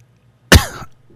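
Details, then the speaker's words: Adult man who says he can't stop coughing: a single abrupt, forceful cough with harsh explosive onset and short throaty tail against quiet room hum. "coughed on the last thing over there. I sound like Dana Holgerson from the West Virginia football team. I can't stop coughing."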